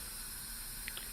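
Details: Steady continuous hiss of an AeroEclipse jet nebulizer running at 7 L/min gas flow with a mask, in a respiratory therapist's demonstration, aerosolizing medication in continuous mode; jet nebulizer running.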